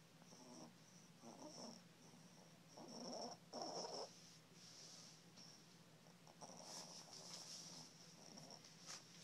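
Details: Snoring (owner jokes baby or pig): repeated soft snuffling snores with faint whistling through the nose over a steady room hum.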